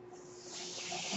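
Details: Airflow noise of a mechanical ventilator used by the speaker, heard while he talks at the end of a podcast episode.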